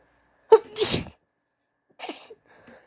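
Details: Allergy sneezes from a female with a tickly nose, easily induced, from two stitched clips: sharp in-breaths then explosive bursts in a quiet room.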